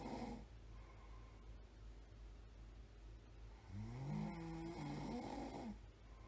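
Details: Snoring at night: a single drawn-out, rattling, throaty in-breath rising in pitch over quiet room hiss.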